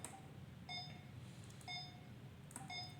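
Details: Repeating electronic beeps about once per second over quiet room hum from a BOZTRON BT-1800A patient monitor during a product demonstration; patient monitor alarm beep.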